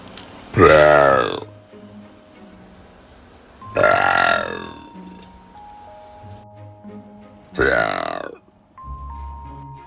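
Three loud, drawn-out voiced burps, each about a second long, with faint music and room sounds between them.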